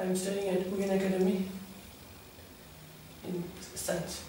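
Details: 16-year-old boy with puberphonia before voice therapy, complaining of a high-pitched, soft voice.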